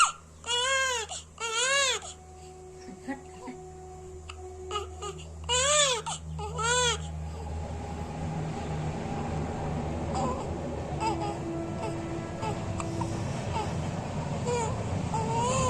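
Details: Crying baby girl: short, rising-falling wails in bursts, fading into weaker whimpers over a low room hum.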